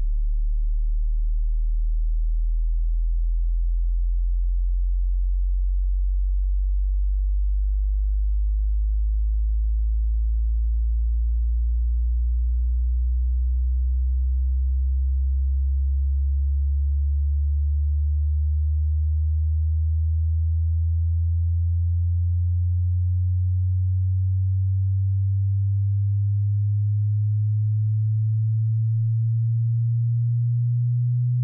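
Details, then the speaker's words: Low-frequency opening of a 20 Hz to 20,000 Hz hearing sweep: pure deep hum rising slowly and steadily in pitch, used for tinnitus pitch matching; low tones hard to hear, headphones recommended. "Les sons de basse fréquence initiaux sont particulièrement difficiles à entendre, donc je vous recommande de ne pas monter vos écouteurs si vous n'entendez pas le son tout de suite, maintenez simplement le feu et tout devrait devenir clair assez rapidement."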